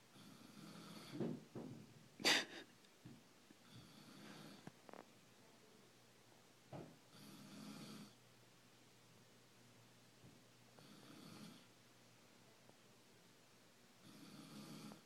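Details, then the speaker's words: Mother asleep, snoring loudly: soft, breathy, hissing snores in repeating breath cycles with a few snorts and bumps in a quiet room, before being woken. "snoring really loud. I think I'm going to wake her up and scare the crap out of her."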